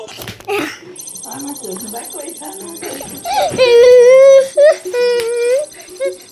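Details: Fussy infant whimpering builds into two loud, high-pitched wailing cry bursts, with a faint steady electronic whine behind; infant crying.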